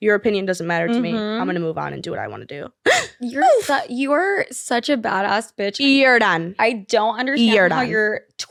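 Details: Vocal tics with coprolalia in a 20-year-old woman with Tourette syndrome, an involuntary motor and vocal disorder diagnosed in 2020, with swearing tics and tic attacks; interjected vocal tics are heard in her speech.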